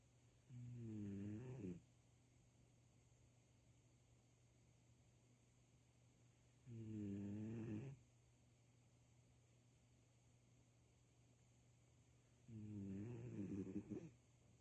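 Three slow, rattling snores about six seconds apart, roughly ten a minute, in a quiet room.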